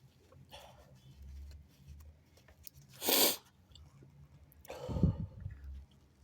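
A single sharp, explosive sneeze followed by a softer second burst with a rough exhale; an ordinary sneeze.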